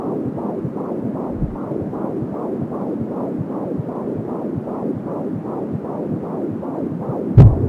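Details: Fetal heartbeat at 15 weeks of pregnancy heard with an Angel Sound home fetal Doppler: fast, regular whooshing pulses at about 170 per minute, umbilical cord whoosh, brief clatter at the end.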